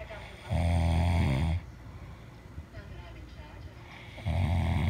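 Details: Two deep, rattling snores on breathing in, separated by a quiet breath out, with faint room noise, from a sleeping person: snoring.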